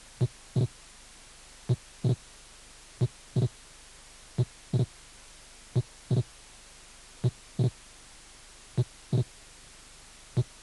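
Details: Wide, variable (mobile) splitting of the second heart sound, clearly doubled and varying between beats, in a slow regular heartbeat.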